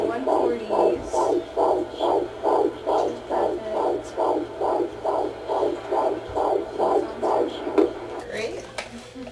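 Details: Rapid, regular whooshing pulses of a fetal heartbeat on Doppler at a 16-week pregnancy appointment, about 136 beats a minute.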